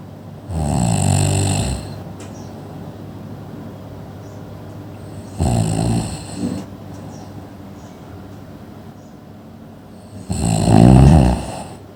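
Three loud, rumbling snores on breathing in, roughly every five seconds, about 12 breaths a minute; heavy sleep snoring.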